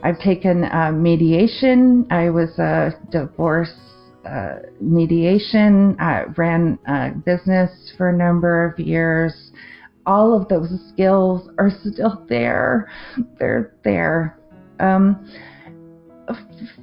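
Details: Adult woman with aphasia after a 2023 stroke affecting the left-brain language centre, with word-finding difficulty, confusion with words and difficulty forming sentences; aphasia after stroke.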